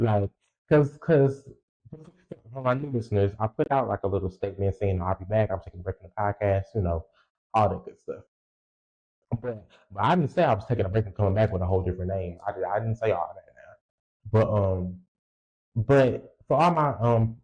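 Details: Adult male podcast host who says he has a speech impediment and has stuttered his whole life, stuttering left unedited; stuttering.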